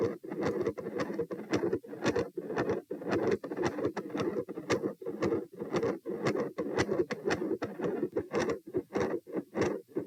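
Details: Stethoscope heart sounds at position P during a postural test (lying 78, sitting 84, standing 108, lying 78 bpm): fast, fairly regular beats near 110 a minute, the rise heard on standing.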